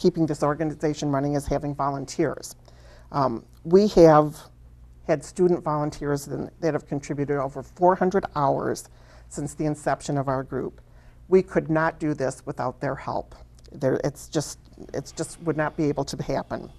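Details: Adult woman speaking; Normal speech.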